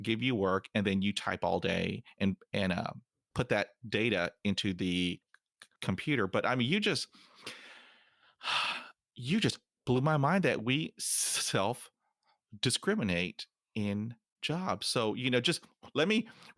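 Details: Adult nearly 50 years old who stutters, including when alone; stuttering.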